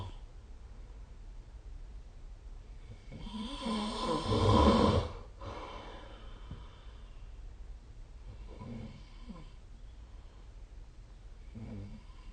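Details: One loud, rough snore followed by softer snoring breaths every few seconds in a quiet room; adult snoring during sleep.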